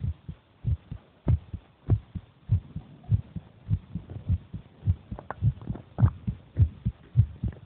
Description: that is the heartbeat of my brother while he eats